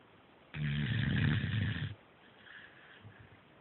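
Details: Sleeper snoring: one deep, rattling snore lasting over a second, followed by quieter breathing.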